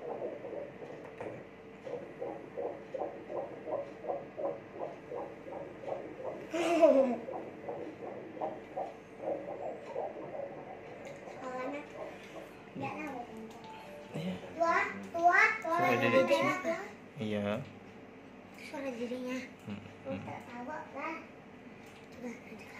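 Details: Fetal heartbeat on Doppler during a routine ultrasound check at 3 months of pregnancy: rapid, regular whooshing pulses around 170 beats a minute, then broken up by movement noise.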